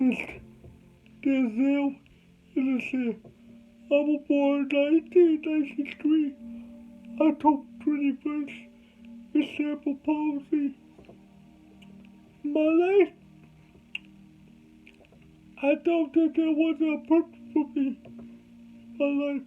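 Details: Adult male with cerebral palsy; dysarthria (cerebral palsy).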